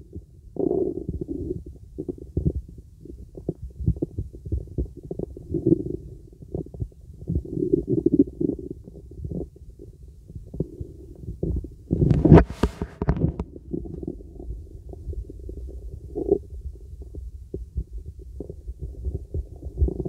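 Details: Young woman, real stethoscope on the stomach, relaxation auscultation: irregular gurgles and rumbles, typical of normal bowel sounds.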